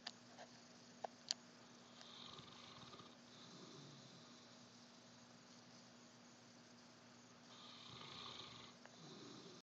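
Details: Snoring in a St. Bernard dog asleep in the afternoon: soft, breathy snores every few seconds over a steady room hum.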